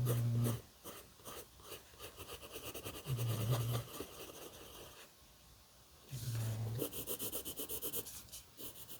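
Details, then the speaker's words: Sleeping dog gives low, rumbling snores about every three seconds, roughly 20 a minute, over faint crackling room noise: ordinary snoring. "Can you hear my dog snoring?"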